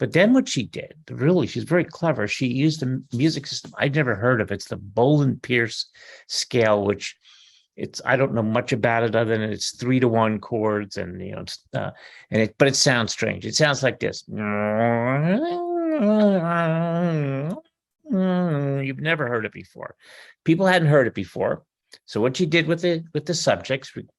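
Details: Adult male speaker; normal speech.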